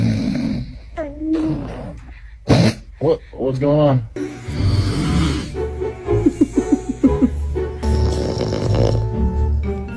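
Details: An adult father snores with loud, low rumbling snores while his infant makes vocal sounds, over background music: snoring.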